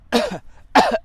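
Two short, voiced, throaty cough bursts about half a second apart, acted by an adult man; a simple cough.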